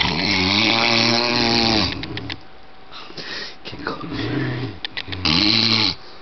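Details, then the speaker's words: Adult man (stepdad) asleep, snoring loudly; long rattling snores separated by quieter breathing and faint room noise. "My dad snores like a man beast e it Man but it Sounds Like an oger we're going to go fuck with him This is him in his natural State"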